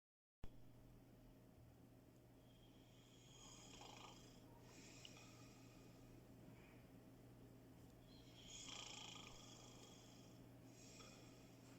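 Soft, breathy snoring sounds with each breath over low room hum; a cat snoring in sleep.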